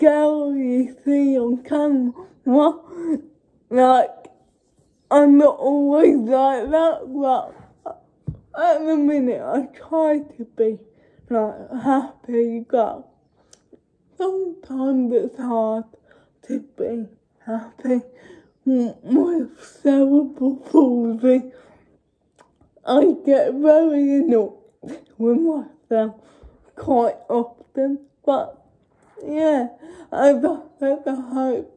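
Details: Young woman with cerebral palsy speaking informally to camera; dysarthric speech in cerebral palsy.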